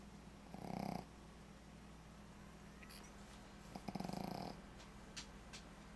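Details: Two loud, fluttering snores from a sleeping Shih Tzu, each on a drawn-in breath, over a steady low hum.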